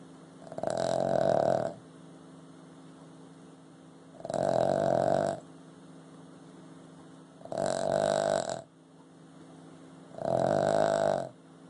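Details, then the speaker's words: Boston Terrier snoring: four regular, buzzing snores about every three seconds, roughly 20 breaths a minute; ordinary snoring in a short-nosed dog. "Who's snoring? Louie, you snoring."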